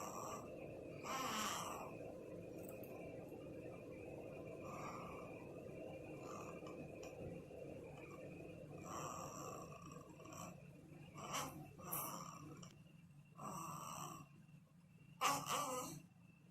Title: Newborn Snores